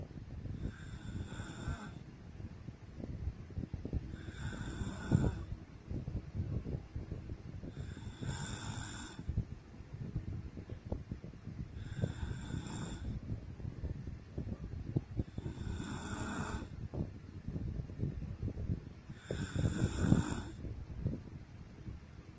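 Six loud snores at a steady slow rate, about 16 breaths a minute, each a rough rattling inhalation over low room noise; ordinary snoring.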